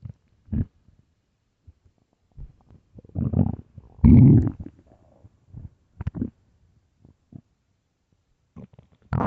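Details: Irregular low gurgling and rumbling bursts over about nine seconds, early-morning stomach growls; normal bowel sounds, borborygmi.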